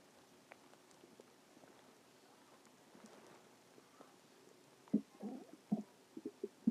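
Quiet room, then a short run of soft gurgling, squeaky bubbling sounds: ordinary stomach growling, normal bowel sounds.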